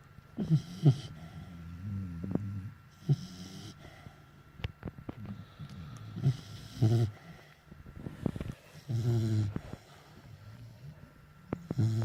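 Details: Pitbull sleeping in its owner's arms: low, rattling snore sounds on repeated breaths with occasional snorts and clicks; snoring.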